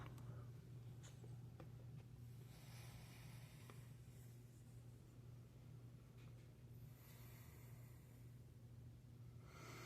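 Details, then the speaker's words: Brand-new 2025 ResMed 11 CPAP machine in use with mask: steady low motor hum with loud, hissing "Darth Vader" air rushes on each inhalation, said to come from the water tank area; loud CPAP inhalation noise. "How you supposed to sleep with that? How you supposed to get to sleep with that nasty Darth Vader noise the whole time?"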